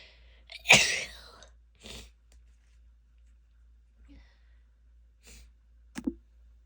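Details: Female sneezing: a loud full sneeze followed by softer stifled sneezes, with quiet room noise between.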